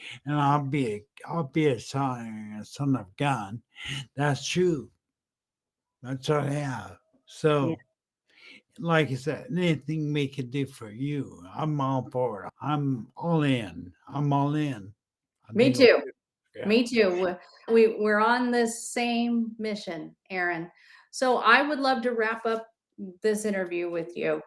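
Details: Male stroke survivor with aphasia and dysarthria after a brain aneurysm then massive stroke about 10 years earlier, initially totally unintelligible; he says a clinician identified ataxic dysarthria; ataxic dysarthria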